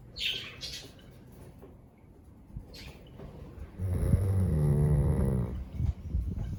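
A long, low, fluttering rumble on the breath, a dog's snore, after quieter breathing and a few faint squeaky sounds.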